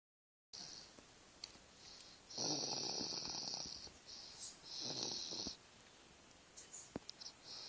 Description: This baby is sawing logs at 5 months old!